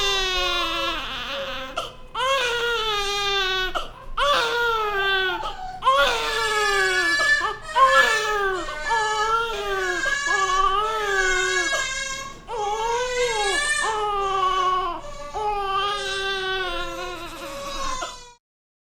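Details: Newborn baby crying in a hospital nursery: loud, high-pitched rhythmic wails with brief breaths between them.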